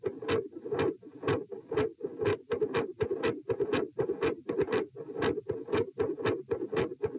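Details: Heart sounds recorded at position p while moving from sitting to standing: a consistently loud second heart sound, a variable first heart sound and episodes of murmur.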